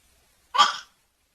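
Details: A single short, sharp burst of breath noise, like one hiccup, in an otherwise quiet room, during a father's sneezing play with babies: hiccup.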